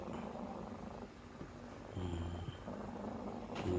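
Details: Stertor in a cat: low, rumbling, rattly snoring-like breathing from noisy upper-airway breathing.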